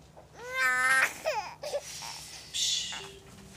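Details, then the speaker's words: Acted TV hospital drama: an infant boy who cries constantly, especially in his mother's arms, with the cause unknown despite a pediatrician visit; short wailing cry bursts with room echo. "das hat sich vielleicht aufs Kind übertragen und wenn ein Kind immer weint und ganz speziell immer bei der Mama auf dem Arm wo es eigentlich ruhig wird das bringt ein schon zum Verzweifeln"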